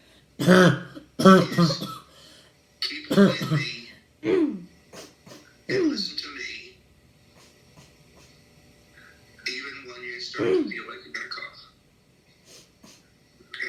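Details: Repeated loud, harsh, dry cough bursts from a child, about eight in quick succession, non-productive; chronic habit cough.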